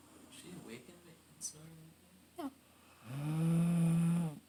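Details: An about 11-year-old female basset/beagle mix in fairly good health; a loud, low, droning snore on one long breath after quieter snuffling breaths: snoring.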